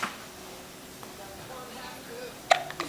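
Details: Case of the hiccups: a sudden sharp hiccup followed by a smaller one against quiet room noise.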